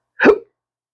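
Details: Man with chronic hiccups, speaking about losing his acting and surgical tech careers: a single sharp, abrupt hiccup sound.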